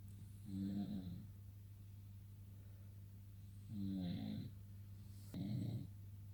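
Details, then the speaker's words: Husband snoring at night, recorded at home. "it's a clock in the morning guys husband is snoring you can hear him"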